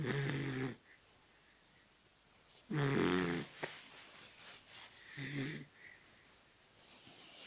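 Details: Dachshund snoring: loud rattling snores in a quiet room with a fainter noisy breath between them.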